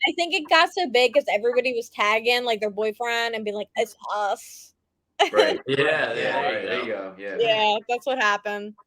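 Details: Adult woman speaking, with brief overlapping talk; normal conversational speech.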